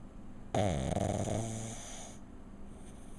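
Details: Pug lying on his back asleep: one loud, rattling, fluttering snore on a single breath, then quiet; snoring.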